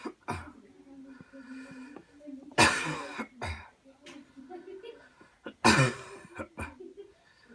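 Two strong deliberate coughs amid low voiced sounds: a voluntary cough technique, performed on purpose.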